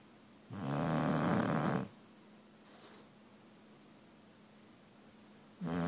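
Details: Bulldog snoring: a loud, rattling snore on the in-breath lasting over a second, then a long quiet out-breath before the next snore.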